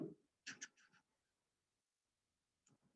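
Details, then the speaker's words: Adult male dental implant patient under sedation in the chair, anesthetist jaw-thrusting airway open, oxygen saturation dropping: harsh gurgling snore bursts (some gargle from blood) stopping into silent apneic pauses, then breathing resumes; snoring with obstructive apnea. "this is the crna's hands jaw thrusting his airway open that's him snoring and having apnea episodes in the chair because the oxygen pulsation just kept dropping"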